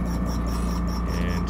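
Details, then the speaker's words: Steady low mechanical hum with rapid faint pulsing from a portable transport high-frequency percussive ventilator (TXP5) running on a 50 psi source. "50 psi source high frequency ventilator connected portable transport high frequency percussive ventilation not to be confused with the high frequency jet ventilator or high frequency oscillator"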